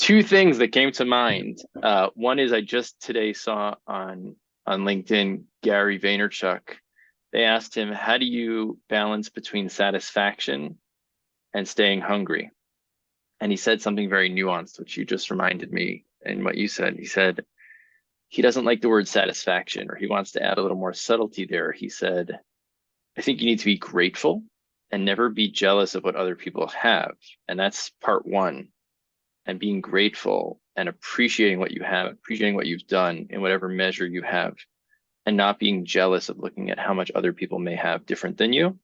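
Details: Adult male speaker; typical speech.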